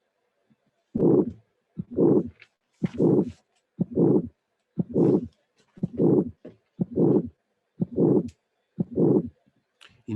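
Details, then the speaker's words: Severe aortic stenosis, cardiac auscultation: typical systolic ejection murmur with delayed maximum intensity, indicating severity. "case the ejection murmur is a typical one but the maximum is delayed and this helps you to understand that is severe"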